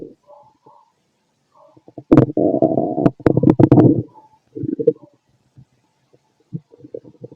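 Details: Fit adult male, abdomen auscultated with a stethoscope: loud gurgling rumbles and bubbling pops in bursts; normal active bowel sounds, stomach growling.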